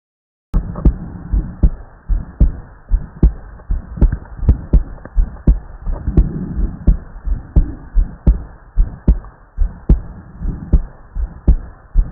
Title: Heart Auscultation